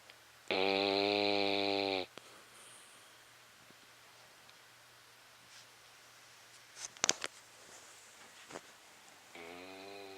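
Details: Beagle snoring: a loud, buzzy, steady snore of about a second and a half, then a quiet pause with small rustles and clicks, then the next snore starting.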